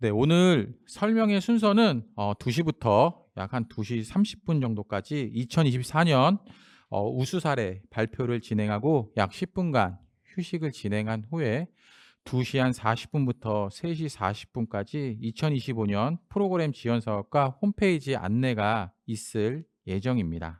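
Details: Adult male speaker; normal speech.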